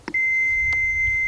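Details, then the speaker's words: In a Heart Start training demo, pushing the AED's green button gives a click, then a steady high-pitched power-on beep before the voice prompts begin. "You open the case, and sometimes the AED goes on automatically, but in this case, you push the green button"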